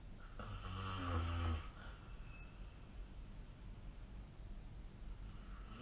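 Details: Snoring during sleep recorded with the SnoreLab app: one deep, buzzing snore lasting about a second, then only low room hum.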